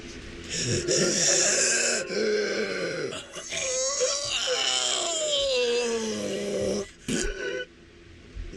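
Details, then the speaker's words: Adult with asthma, wheezing from both lungs at once during forced breaths: high, musical whistling tones from narrowed airways. "that was both my lungs wheezing at once I'm so sorry"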